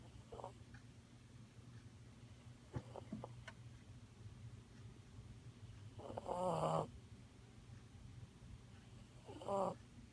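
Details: Pet Blue asleep, wrapped up like a burrito; two rough, buzzing snores against a low steady room hum; snoring.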